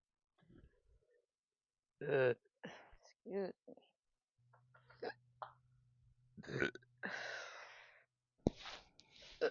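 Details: Repeated belching after drinking only coffee, no carbonated drinks: several loud, gurgling burps in quick succession with groans between them.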